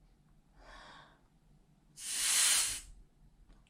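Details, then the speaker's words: A soft breath-in, then one hard, quick hissing blow out through an expiratory muscle strength trainer, demonstrated in Parkinson's speech and swallowing therapy exercises, lips sealed around the mouthpiece. "so what happens is you wrap your lips around this part and you blow out real hard could you hear the air coming out"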